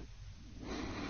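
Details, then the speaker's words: Simulated normal sleep breathing from a model: soft, quiet airflow rising into steady inhalations and exhalations, with no snoring or pauses, and airflow and breathing-effort traces moving in sync. "notice how the airflow and breathing effort traces move in syn you can actually hear these correspond to the sounds of our model breathing in and breathing out"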